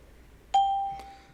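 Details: GE Vscan Air SL handheld ultrasound during a cardiac scan with automated view guidance (apical 4- and 5-chamber views, EF capture): a single bright chime with a fading ring as the guidance tone sounds.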